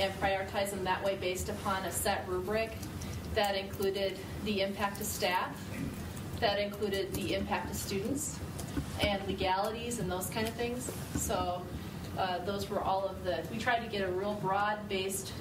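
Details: Adult woman speaking; ordinary speech.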